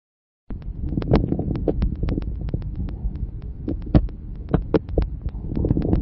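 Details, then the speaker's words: Coarse crackles: many loud, low-pitched explosive popping clicks over breath sounds. "les râles crépitant sont des bruits courent explosif on distingue selon leurs auteurs les crépitant fin et les gros crépitant"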